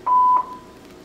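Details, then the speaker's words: Two short steady electronic start-up beeps as a Covidien Puritan Bennett 980 mechanical ventilator powers on during pre-use check, gases and power connected; normal ventilator start-up tones. "I'm going to turn the ventilator on. Let's zoom into the screen so you can see what it does as it starts up. You can hear a few sounds."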